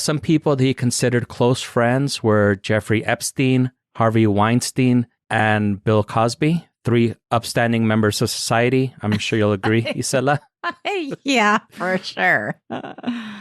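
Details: Adult male narrator, possibly synthesized voice; plain speech.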